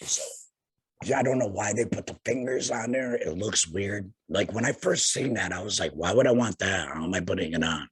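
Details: Adult man about two years after total laryngectomy for head and neck cancer, speaking via tracheoesophageal puncture voice prosthesis while finger-occluding his stoma/HME; tracheoesophageal (alaryngeal) voice.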